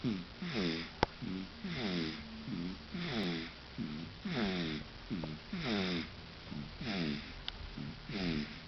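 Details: Sleeping baby girl snoring: rapid, regular squeaky and whistly noises with each breath, about 47 a minute; noisy breathing with snoring.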